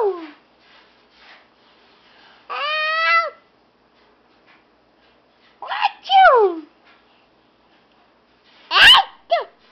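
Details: Playful fake sneeze: a few short voiced squeaks and snorts ending in a sharp, sneeze-like "achoo" burst, followed by calling "Dad!"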